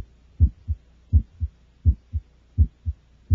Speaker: the systolic ejection sound generated by the aortic or pulmonic valves is a frequent finding in children and is loudest during expiration the sound is high pitched and best heard with the diaphragm of the stethoscope listen now to a systolic ejection sound